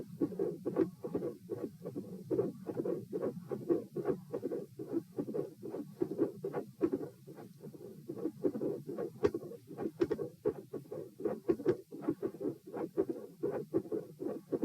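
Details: Heart sounds recorded at position P, patient supine doing leg exercises to test heart response, 78–90 bpm: regular beats with sharp high-pitched clicks growing louder while rhythm stays steady and pattern unchanged.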